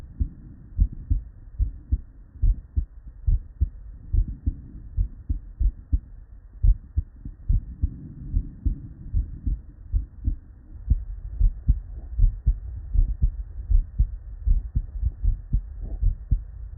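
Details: Real, unedited bedside auscultation of normal human heart sounds: steady paired lub-dub beats at about 76 a minute, with faint rustle between them.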